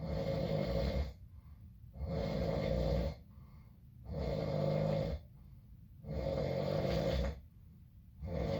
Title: When your brother has infections and a clogged up nose and hear him snore...